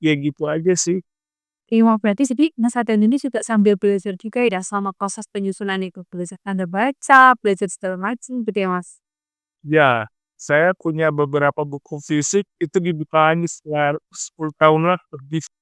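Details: Adult man with cerebral palsy in conversation with an interviewer; speech impairment in cerebral palsy.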